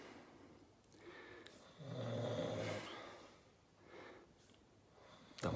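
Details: Drunk man asleep fully clothed, snoring: rough, low fluttering sounds rising and falling with slow breaths in a quiet room.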